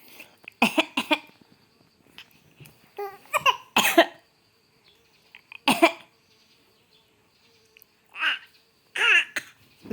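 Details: 6-month-old infant acting as if coughing: several short, voiced cough-like bursts mixed with babbling, playful and not illness; voluntary (pretend) cough.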